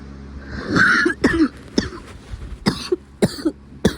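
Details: Adult coughing again: a string of short, sharp coughs with brief throaty clearing sounds between them.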